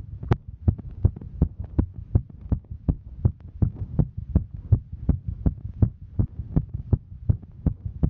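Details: Female while hiking: regular, fast thumping heartbeat at roughly 160 beats a minute with a steady rhythm; a normal heartbeat sped up by exertion.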